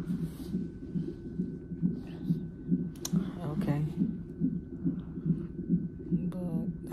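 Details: At 34 weeks' pregnancy, in labor and delivery triage after sharp pain and pressure, rhythmic whooshing pulses about 140 a minute with brief faint room sounds: fetal heartbeat on a fetal monitor, normal range.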